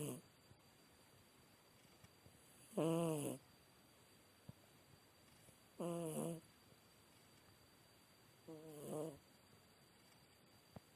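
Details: Sleeping cat: soft rhythmic snoring, about three breaths over ten seconds, in a quiet room; harmless sleep snoring.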